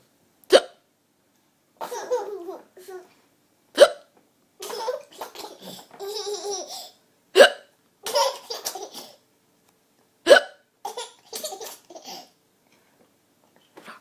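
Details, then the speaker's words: Four sharp hiccups about every three seconds, roughly 17 a minute, each followed by giggling and babbling, while a sock puppet is used to play with the hiccuping child. "does mr pinky have the hiccups oh okay say bye bye mr pinky"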